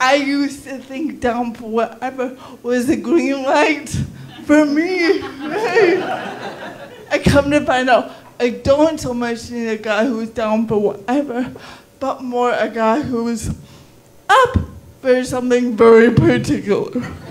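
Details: Female stand-up comedian with cerebral palsy, performing live; dysarthric speech (cerebral palsy).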